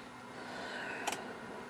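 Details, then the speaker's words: Philips/Laerdal FR2+ automatic external defibrillator running its battery-insertion self-test: two quick sharp relay clicks over quiet room hiss, after which the unit reports the self-test failed, cause unknown; defibrillator self-test relay clicks. "couple of relay clicks and it says it's failed so I have no idea why"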